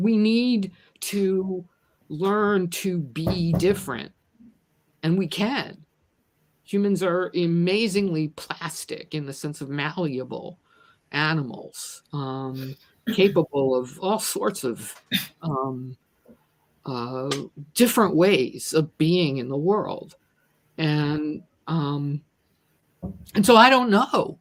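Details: Adult who stutters and describes themself as a person with a disability; word repetitions heard in the speech; stuttering.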